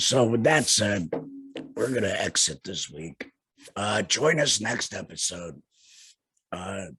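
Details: Adult male laryngectomee speaking with a tracheoesophageal puncture voice prosthesis, recently changed; tracheoesophageal voice after laryngectomy.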